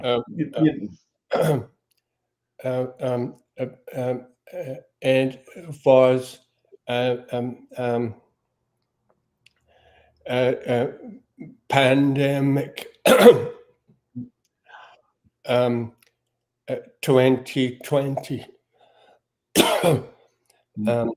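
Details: Aphasia in a male speaker.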